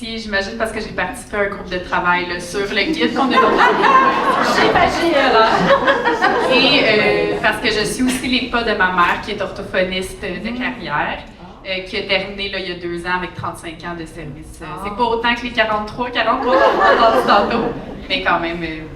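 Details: Adult woman speaking French; normal speech.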